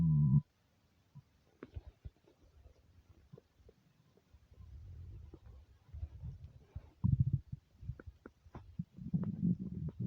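Low gurgling rumbles and squelches come and go irregularly from the abdomen: ordinary hunger rumbling, or borborygmi, on an empty stomach.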